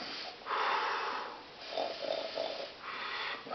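Breathy, hissing snorts and snore-like rasps in three bursts. This is an imitation of snoring.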